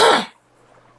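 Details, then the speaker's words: Adult woman with days of persistent dry cough causing pain, now improving: one brief, sharp cough burst without rattle, then quiet room hum; dry cough. "그저께까지 와 죽을 것 같은 거예요. 계속 마른 기침 나니까 또 여기가 아프잖아요."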